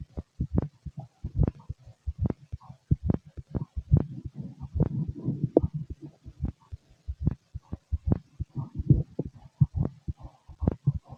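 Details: Fit adult male, normal heartbeat through a stethoscope during digestion: low, repeated dull thumps at about 70 per minute, with some rustle and rumble between beats.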